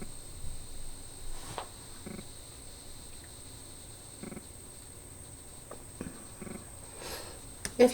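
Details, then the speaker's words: Adult woman's dog (female) lying beside her, snoring loudly in the background during a home craft recording; snoring. "you hear any noise in the background my dog is laying right here beside me and she's she is snoring up a storm right now so if you can hear that I apologize"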